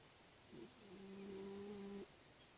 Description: A raccoon sleeps under some steps during the day. We recorded him snoring.